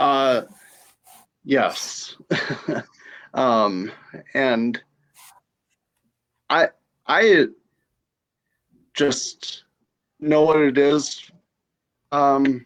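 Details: Aphasia after stroke in a female stroke survivor.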